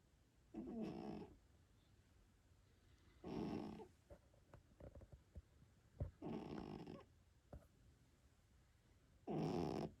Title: Cat snoring Himalayan Persian funny